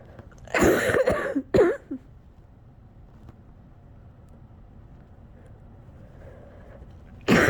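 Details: Cluster of three or four harsh coughs, then a quiet pause before another cough, with shaky breathing between, from an adult with a cold for a couple of weeks, near the end of a nearly hour-long coughing fit.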